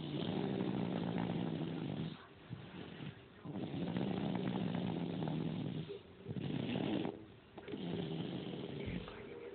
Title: Lmfao snoring js a lil too loud!